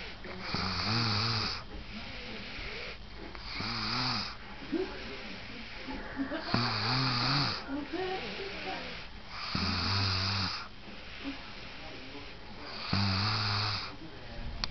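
Loud, fluttering, buzzing snores on each breath in, about 20 a minute, with softer breaths out between them. Snoring during sleep.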